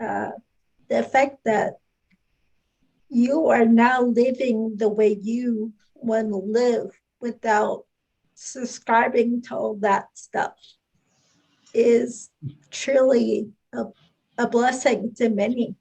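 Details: Adult woman speaking; no speech disorder.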